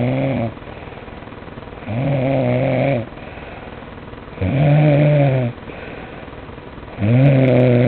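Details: Loud, low, rattling snores with quiet breaths in between, about three every eight seconds and fairly regular; ordinary snoring.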